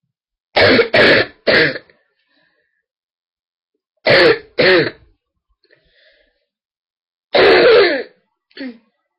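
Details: Person with a really bad throat and stuffed nose, recorded on a webcam: about six harsh, deep barking coughs in three clusters, suggesting an irritated upper airway.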